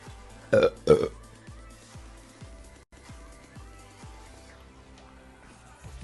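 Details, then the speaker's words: Two loud, low belches in quick succession, followed by background music; burping. "Do you guys mind if I burp? Sorry, I >> rate that burp."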